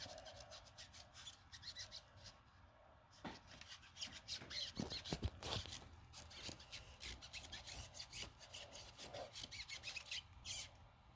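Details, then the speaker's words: Quick, irregular rasping rubs with quiet pauses: antiseptic scrubbing of the skin for at least 30 seconds after the alcohol has dried, during a central line dressing change in a nursing skills exam demonstration. "And after my alcohol is dried completely, I would scrub for at least 30 seconds."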